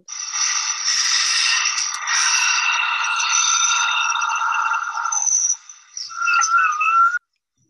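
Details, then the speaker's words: Raw, non-denoised voice recording with machine hum; high musical whistling at end of breath, expiratory wheeze, spectrogram showing lines near 1.5 kHz and 3 kHz. "this is the spectrogram where the person had the wheezing and you can see these two lines over here this is at a frequency of about 1.5 kilohertz this is such a frequency about three kilohertz"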